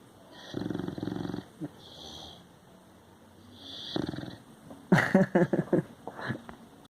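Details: Six-month-old male dog snoring: two rumbling snores on breathing in, then nearby laughter and talk. Snoring.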